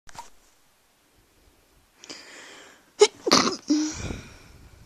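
A breathy in-breath builds to two quick, forceful sneezes close together, followed by a voiced trailing exhale.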